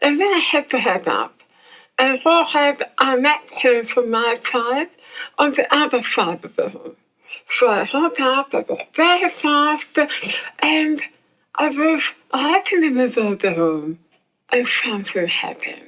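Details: Adult woman whose tongue was removed for squamous cell cancer and reconstructed; her speech is described as hard to understand; speech impairment after glossectomy.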